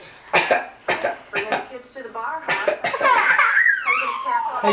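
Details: Child fakes a cough on request: three short, forced cough bursts, then breaks into laughing vocal sounds; a deliberately faked cough.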